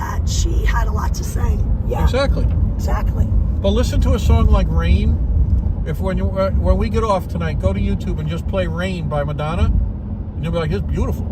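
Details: Adult man speaking in a moving car; Normal voice.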